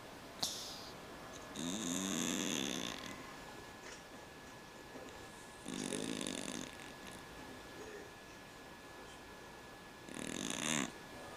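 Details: Cat snoring very loudly in sleep: loud, rattling snores about a second long, repeating every four seconds with quiet breaths out between them; noisy breathing from a condition he had as a newborn, now fine.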